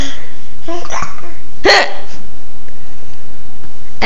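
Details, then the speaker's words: Young child with hiccups, like their mother's, asked to show them: a sharp, abrupt vocal catch, a hiccup, against a loud, distorted background. "do you have the hiccups? do you have the hiccups? Let me hear you. Can you show me the hiccups?"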